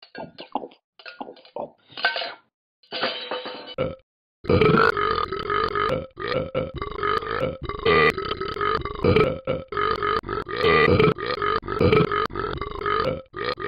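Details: Several short sounds, then a long, loud, continuous voiced belch broken into repeated gulping bursts; prolonged burping attributed to eating bacon.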